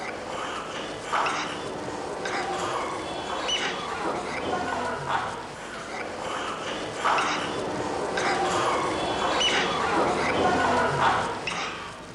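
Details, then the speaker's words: Boy with expiratory wheeze from small-airway narrowing (as in asthma or bronchiolitis): repeated high whistling squeaks as he breathes out, distinct from stridor. "Wheezing occurs when the small airways are narrowed, such as in asthma or bronchiolitis. Wheezing must be distinguished from stridor, as these two signs are caused by different illnesses and require different management. This child has wheezing. Look at the chest and listen for the wheezing noise as he breathes out."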